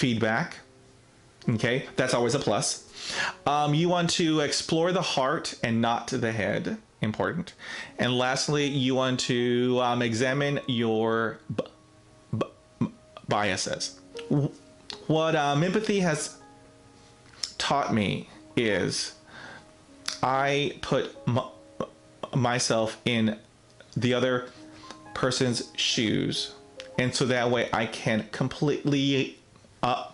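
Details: Adult man, real case, self-described person who stutters; stuttering.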